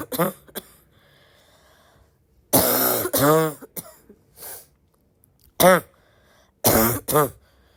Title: hard barky coughing fit